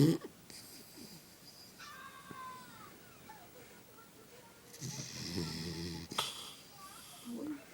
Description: Dogg Snores more thenn me lol!!